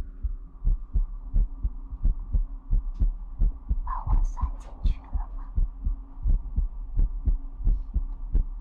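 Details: ASMR livestream recording with ear picking, whispering and water drop bottle sounds, featuring a heartbeat sound.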